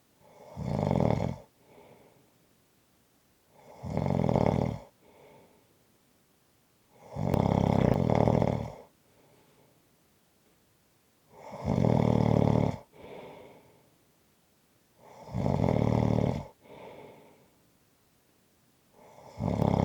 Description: This is a 5-minute clip of snoring. Attached at the end is a longer audio if you want more!